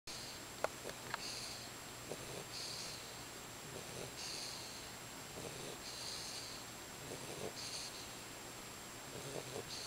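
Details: 12-week-old female white boxer puppy asleep tucked under a blanket: soft, repeated breathy snuffles and short snorts over a steady background hiss; light, noisy nasal breathing, snorting.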